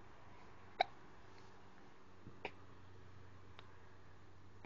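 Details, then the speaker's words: Baby girl who often gets hiccups, seeming tired: three brief, sharp, gulping hiccups spaced a second or two apart against quiet room noise. "She's like, "Screw you. I've got the hiccups. Get that camera off me.""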